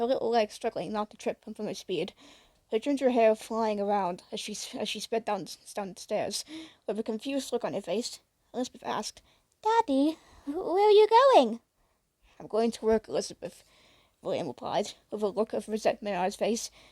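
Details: Female narrator who says she stutters a bit and will struggle while reading her fan fiction aloud: stuttering.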